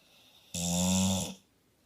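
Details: Staffy dog's single loud, buzzing, vibrating snore-like breath under a second in a quiet room; owner notes the dog is not even asleep; snoring.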